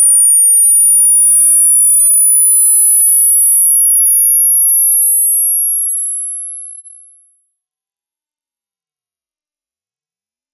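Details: Steady very high pure tone gliding upward, part of a frequency sweep for a self hearing test over headphones; typical upper limit of hearing is 11-16 kHz depending on age, so many adults hear it faintly or not at all.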